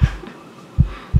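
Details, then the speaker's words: Own heartbeat via stethoscope on the left side of the chest, estimated at least 70 BPM, in an anxiety-calming exercise: regular low thumps about 75 per minute; normal heartbeat. "I'm gonna do the same thing that the doctor does every time you're going for a visit left side of your chest and listen to your heartbeat I must have around at least 70 BPM at the moment"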